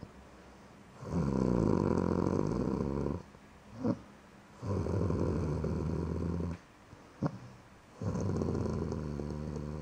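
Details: Loud, buzzing snores on each inspiration with quiet gaps, three snores in about ten seconds, from a sleeping cat that is passing out; snoring.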